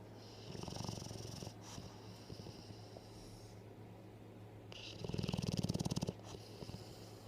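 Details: Soft, low, fluttering snores from a sleeping animal, two breaths over seven seconds, with steady room noise; snoring.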